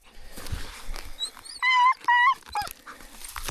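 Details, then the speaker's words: Dog in pain after being freed, giving two high, tonal whimpering cries with shorter yelps, screaming from hurting. "Gosh, you were screaming in my ear. I don't blame you, it hurts. Oh, poor Remy."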